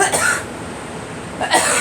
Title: Girl coughing